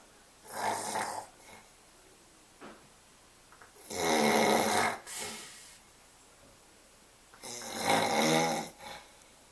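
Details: Loud, harsh, rattling snores from an adult man sleeping in a quiet room, about three over nine seconds with softer breaths between; ordinary sleep snoring.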